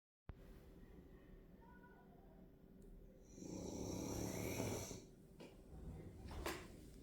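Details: French bulldog in deep sleep: quiet breathing, then a long, loud, rough snore with a snort; very loud snoring.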